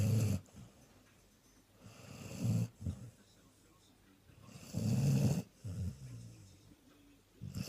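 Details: Sprollie dog napping on Christmas Day after a day of eating: deep, rumbling, irregular breaths a few seconds apart in a quiet room, very loud snoring.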